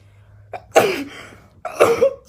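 Two quick sneezes from an adult woman, each a brief catch of breath followed by a sharp voiced burst, over faint room hum.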